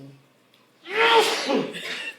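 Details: An adult father's sneeze, one in a series the family is counting (around the ninth or tenth): a quick intake of breath, then one loud explosive sneeze with a trailing vocal release.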